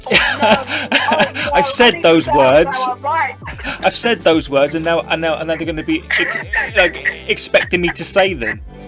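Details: Adult woman who stammers, who also reports a vocal cord condition that sometimes stops her producing any sound and considers her stammer not that bad, speaking in a podcast interview: stuttering.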